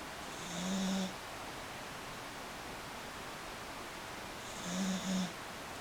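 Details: Snoring.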